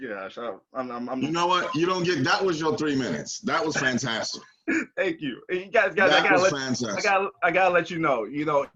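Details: Adult male speaker; normal speech.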